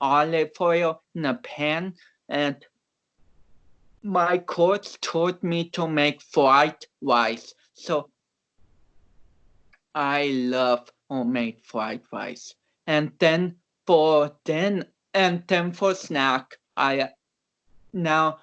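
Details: About 29-year-old male powerlifter with cerebral palsy whom doctors had not expected to walk or talk; real conversational speech showing dysarthria due to cerebral palsy.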